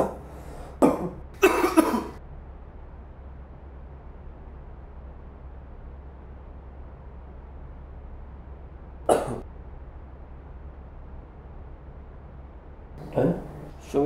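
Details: Several short, sharp coughs acted by an adult for a cough syrup film, spaced apart over a steady low room hum; simulated cough.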